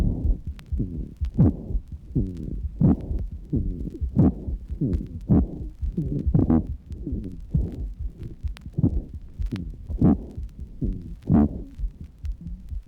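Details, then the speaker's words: Bronchial asthma: fast, closely spaced breaths with musical, wheezy tones, an increased rate, an inspiration-to-expiration ratio of 1 to 4, and very little pause at the end of expiration: asthmatic breath sounds. "note the increased rate note that the ratio of inspiration to expiration is 1 to 4 listen again and you find that there is very little pause at the end of expiration"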